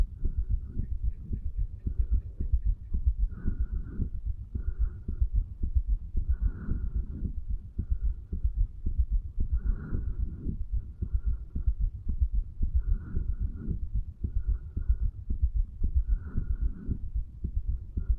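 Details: 35-year-old man, stethoscope over the tricuspid area, placed lower on the chest; recorded under the effects of medical marijuana and nicotine: steady, regular low lub-dub heartbeat, normal heart sounds.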